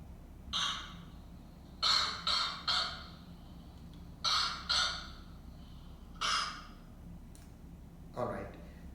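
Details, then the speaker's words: A child's short, sharp coughs in clusters of about eight, not moist and with no added sounds: a dry cough, the most common and benign type. "it's simply a coughing sound so this cough is called dry cough and dry cough which is the most common type of cough it's a benign cough you should not worry at all"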